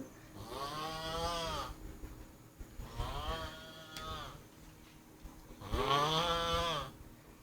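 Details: Person asleep after drinking five pegs of rum, three long, droning, tonal snores about every two and a half seconds, with faint room noise; loud snoring.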